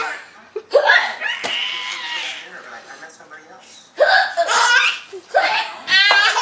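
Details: Grandmother's hiccups, possibly faked, amusing a young child: short, sharp hiccup sounds among laughter and voices.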